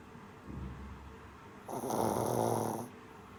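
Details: Sleeping shih tzu puppy snoring: a soft rumbling breath, then a louder, longer rattling snoring inhalation.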